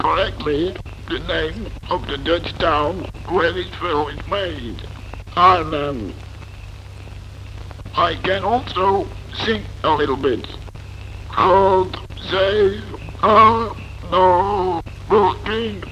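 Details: Adult man speaking with an artificial larynx; electrolarynx speech.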